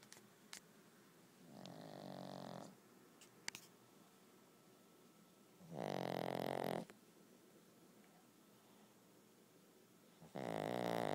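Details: Loud rattling snores with each breath in, separated by quiet pauses, recorded in the dark; ordinary snoring.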